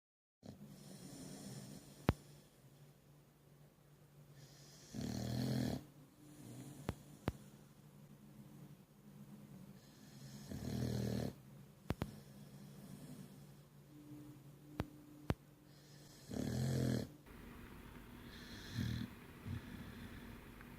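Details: Snoring: regular rumbling snores, about four in 20 seconds, with soft breathing between them and occasional clicks in the room.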